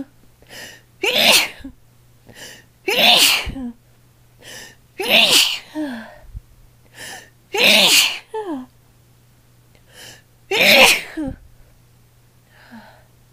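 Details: Woman sneezing during a long sneezing session, throat raw the next day: five forceful sneezes, each preceded by a quick indrawn breath, over a steady low room hum.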